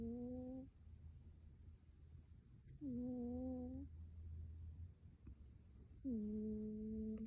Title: My cat snoring with her face covered